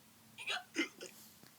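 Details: Acted hiccups: a storyteller voices a few 'hic' sounds imitating the Skeleton character's hiccups while reading a children's Halloween story aloud. These are not real hiccups.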